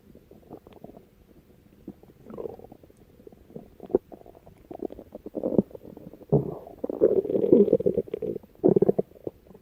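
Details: Bowel sounds (borborygmi).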